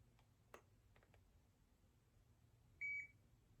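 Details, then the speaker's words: Faint clicks then one short high electronic beep of a digital thermometer finishing a reading (97.7) in a COVID-positive adult who never had a fever. "i never had a fever in fact i can take my temperature right now okay this is me taking my temperature"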